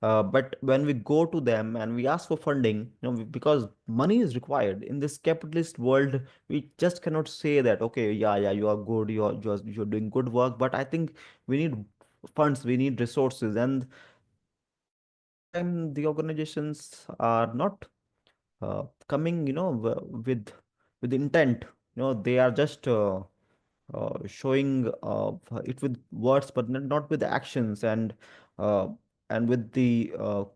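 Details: Adult speaker who stammers and stutters, especially on the 'through' sound and on his own name; real spontaneous speech; stuttering.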